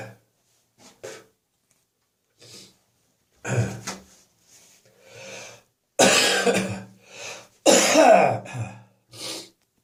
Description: I'm gonna cough around the clock tonight.